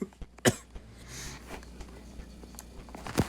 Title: Playing Retrostudio, while coughing violently